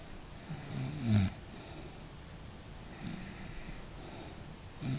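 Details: Snoring in a sleeping animal: low, soft snorting snores at irregular intervals over a quiet hiss.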